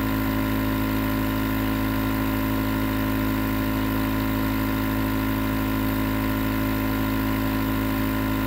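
Steady loud motor hum with a constant buzzing drone, no breaks; nebulizer compressor running continuously.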